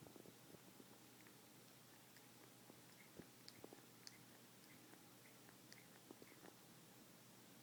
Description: While this indeed can indicate a disease in some cats, some perfectly healthy cats do this, including one of my own who likes to wake me up early in the morning, sitting right beside my head grinding his teeth!